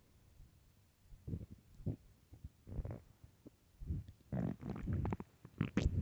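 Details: Extremely loud hunger growls from an empty stomach: low gurgling rumbles and bubbling bursts growing louder and more frequent; normal borborygmi.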